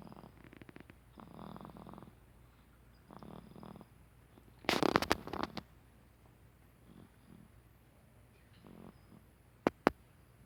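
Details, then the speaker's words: A sleeping baby gives soft, rough snoring sounds in short bursts, then stops, followed by a pause and some stirring noises; snoring. "The baby's snoring. Wanna hear him? Check it out."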